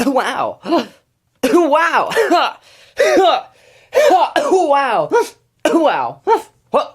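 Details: Young man with Tourette syndrome and ADHD, not suppressing tics; repeated "wow" vocal tic, shouted word just before; vocal tics (Tourette syndrome).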